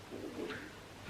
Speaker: did you hear that that's my stomach they're testing all the food and sometimes you know after eating so much like you just feel a little bit bloated and stuff